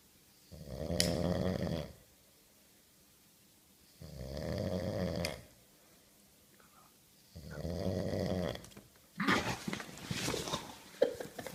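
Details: Three long rattling snores about every three seconds from a sleeping person, then a noisy disturbance as the sleeper is reportedly set alight; snoring.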